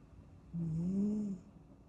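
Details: Sleeping kitten: a single soft, low, tonal snore in a quiet room.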